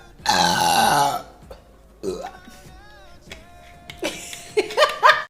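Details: A woman burping: a long, loud voiced belch, then smaller belches and brief vocal sounds; repeated burping.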